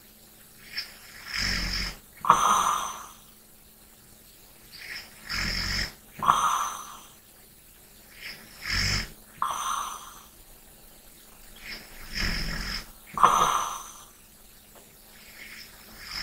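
Rhythmic rattling snores with softer breaths between, about 15 breath cycles a minute, in a quiet room: ordinary sleep snoring.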